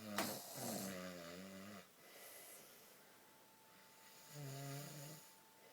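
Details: Snoring from someone asleep: two drawn-out, tonal snoring breaths with a quiet pause between, over faint room noise and a steady background hum.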